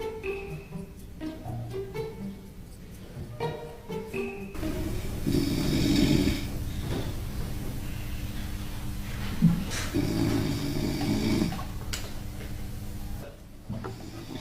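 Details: Staged prank, not real sleep: loud rasping snores played in a quiet library over background music. Snoring.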